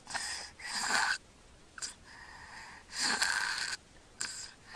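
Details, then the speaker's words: Child with obstructive sleep apnea, filmed asleep: he mouth-breathes without congestion, holds his breath with no air getting in, then takes deep gasps, in repeated cycles of obstructed breathing. "he's going to take a deep gasp in a few seconds there he [Laughter] goes and again he's going to hold it now there goes a deep breath again"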